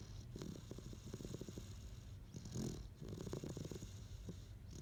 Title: Snoring Great Dane🐶🌛💤